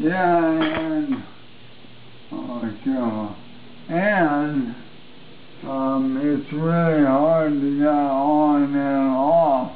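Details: Adult man with ALS (amyotrophic lateral sclerosis), voice markedly worsened since his previous recording; dysarthria (ALS).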